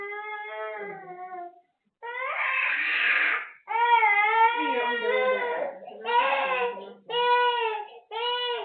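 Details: Repeated wailing, whimpering cries with short breath pauses from a cranky, unwell baby with cough, cold, mouth ulcers, teething and fever; infant crying.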